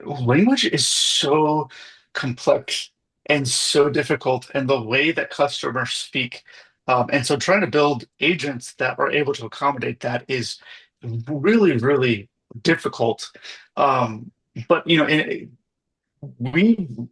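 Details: Adult man; typical speech.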